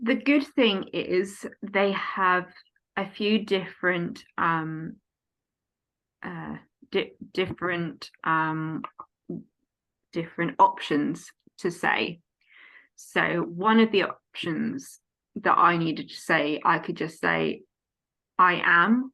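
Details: Aphasia in an adult woman following a stroke at age 18, now 14 years post-stroke, affecting speech, reading and writing long emails, and numbers; conversational speech.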